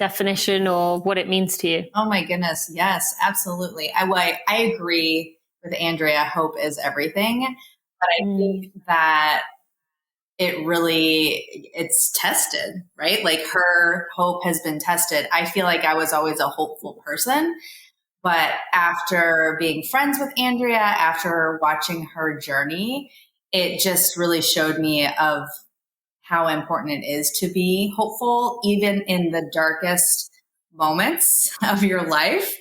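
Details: Adult woman; normal speech.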